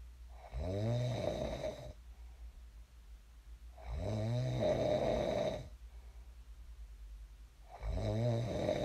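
Loud rattling snores on each in-breath, about 17 breaths a minute, with quiet breathing between them.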